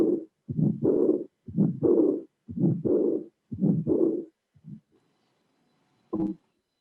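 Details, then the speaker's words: Aortic regurgitation, cardiac auscultation teaching case: heart sounds near 60 a minute, first and second sounds, systolic ejection murmur and a high-pitched early diastolic murmur not covering all of diastole. "see that we have a first sound a second sound an ejection murmur in the diastolic murmur that does not cover all diastole so we have systolic and diastolic and this is a a sculpted funding of heart regurgitation"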